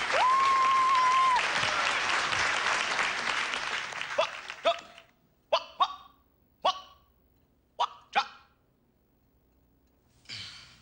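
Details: Six sharp, bark-like vocal bursts in quick irregular pairs after crowd noise and applause: acted, simulated vocal tics of Tourette syndrome in a film scene.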